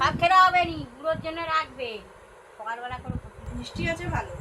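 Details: Adult woman speaking Bengali; normal voice.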